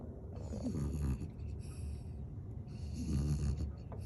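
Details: A Shih Tzu Bichon dog, warm and comfortable in his hoodie, snoring like an old man: low, rattling snorts with a hissy edge, about 30 breaths a minute.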